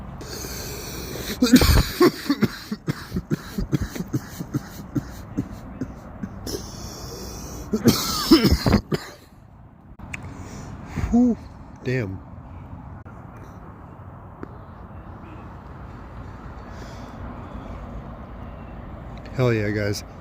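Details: Coughing after taking rips of cannabis smoke: repeated harsh, forceful coughs in clustered bursts. Coughing fit.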